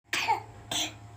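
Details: A child's cough: two short, fairly dry cough bursts in a quiet room with a low steady hum in the background.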